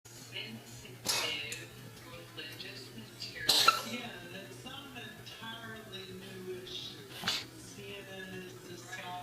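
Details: Three short, sharp, explosive coughs from an animal, spaced a few seconds apart, over a steady hum; intermittent cough, still undiagnosed, in an animal that does not seem sick.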